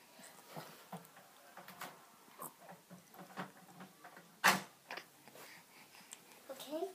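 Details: Child screams, rolls and gives a single sharp cough amid faint rustling and soft vocal noises, brief high squeal at end; cough.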